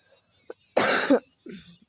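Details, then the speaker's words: Adult woman with fever, cold and heavy coughing since the previous day gives a single forceful cough burst followed by a brief breath in; a doctor advised home remedies rather than much medication. "Hello कल से मुझे बुखार सर्दी जुकाम खासी खासी तो बहुत ज्यादा आ रही है इस टाइम जब खासी आ रही है तो इतना दिक्कत हो रहा है"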